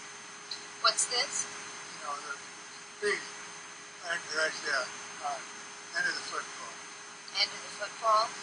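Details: An adult man with Wernicke's aphasia caused by damage to Wernicke's area in the temporal lobe.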